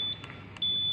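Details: A high, steady electronic alarm tone, briefly broken and then resuming, from a ZOLL ventilator during a hospital training demonstration; the alarm signals a set limit crossed while alarm limits are being set.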